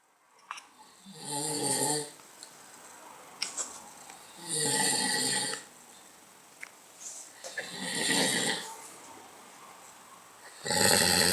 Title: Dad snoring